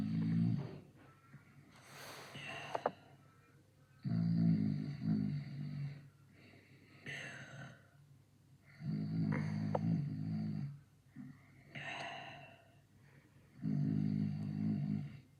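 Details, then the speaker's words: Edited cartoon-style (YuruYuri) snoring sound effect, not real snoring: loud, low rattling snores alternate with softer breathy inhalations, repeating about every five seconds. "I'm snoring like a number block 83."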